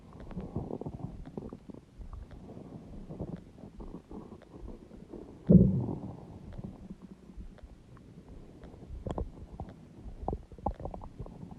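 Low, gurgling, rumbling abdominal noises with one loud surge midway: stomach growling, ordinary bowel sounds from gas and fluid moving through the gut.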